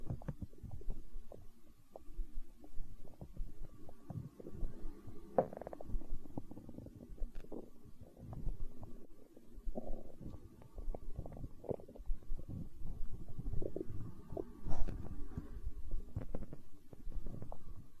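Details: Stomach growling in hunger, tagged as empty-stomach sounds in an ASMR recording: ongoing low gurgles and rumbles with bubbly pops, ordinary borborygmi from gut movement.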